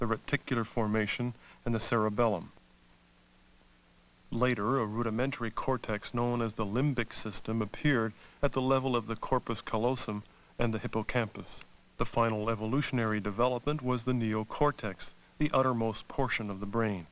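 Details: Adult male narrator; normal speech.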